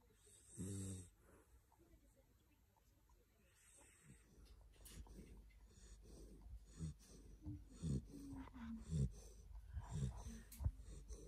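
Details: Sleeping 12–13-week-old red fox Labrador retriever puppy, snoring and dreaming: soft, low, irregular snuffling snores with faint room noise.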